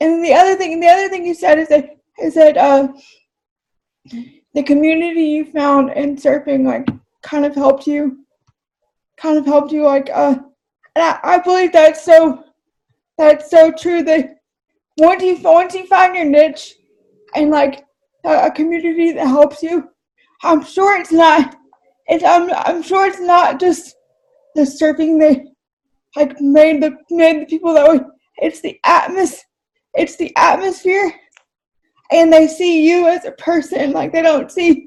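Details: Adult English-speaking woman with cerebral palsy who says talking takes a lot of effort; dysarthria (cerebral palsy).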